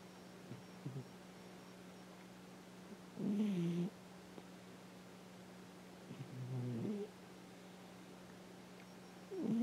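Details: Cat almost 10 years old, snoring loudly while asleep, possibly dreaming.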